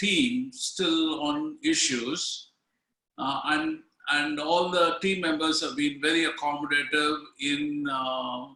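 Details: Aphasia in an adult woman from India who is a stroke survivor, with the stroke apparently about five years ago.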